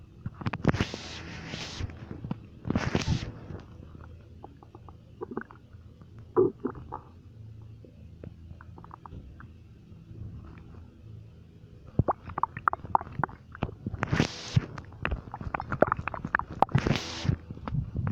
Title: Stomach Noises 2